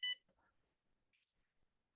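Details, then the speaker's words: MGrx dry eye treatment system: one brief high electronic beep as the pre-warmed debrider applicator is inserted and the button pressed, signalling it is ready; a flashing light means it is still heating. "once we put it in already warm from the device it clocks in we hit the button again it beeps and it's ready to go"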